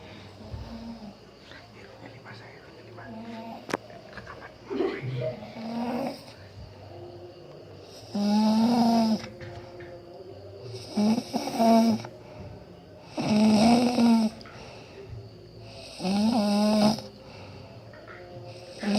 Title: Video lucu bikin perut sakit. Tidur ngorok